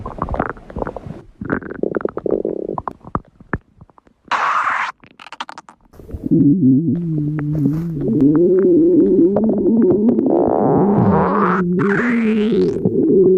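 Gurgling, bubbling bursts followed by a long, drawn-out tonal growl from the belly; ordinary stomach growling (borborygmi).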